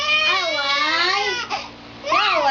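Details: Young child crying: loud, sustained wailing with rising and falling pitch, a brief catch of breath, then more wailing.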